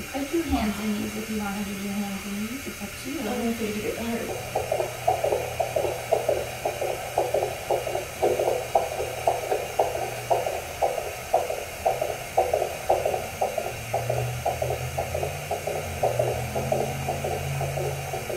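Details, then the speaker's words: Fetal heart rate on Doppler during home labour of eighth baby, just after spontaneous rupture of membranes: rapid regular whooshing heartbeat, roughly 115–140 a minute. "Baby's heart rate."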